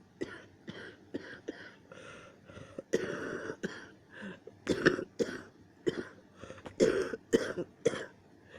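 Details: A run of short, sharp, repeated coughing bursts and throat-clearing sounds in a quiet room; the person was coughing hard and sneezing and felt close to choking. Coughing.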